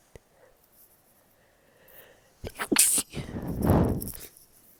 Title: tiny sneeze attack